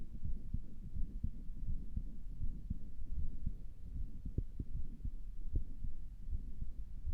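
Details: Person listening to own heart with a stethoscope, thought it sounded weird and wondered about a murmur; muffled low heartbeat thumps over steady hum, no murmur made out; heart sounds.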